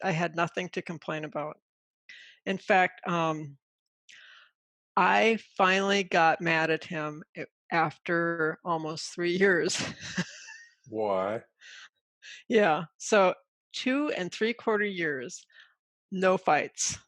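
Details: Adult woman with aphasia from a stroke caused by a carotid artery dissection that occurred during sleep, almost six years into recovery and still working on her language; aphasia after stroke.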